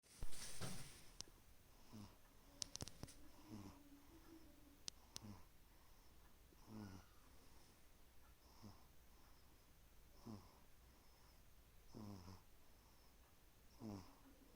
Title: One month old baby snoring 😂 #funnybabyvideo #youtubeshorts #newbornbaby